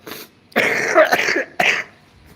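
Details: Man with an ongoing cold who is taking antibiotics to avoid developing pneumonia: two harsh, rough coughs with throat clearing, fitting a cough with a cold.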